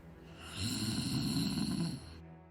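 A single rough, rattling low snore on an in-breath, lasting about a second and a half, over soft background music; snoring.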